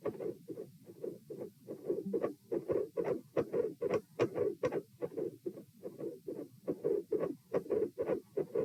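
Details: Auscultation stress test at the pulmonic (P) position while lying, sitting, standing and lying again (72, 84, 108 and 72 bpm): heart sounds with mid-systolic clicks and a split second heart sound.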